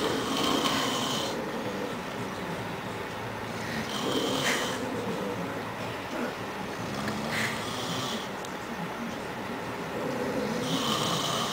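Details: Rough, rattling breathing noise rising and falling with each breath, about every three seconds: a father snoring.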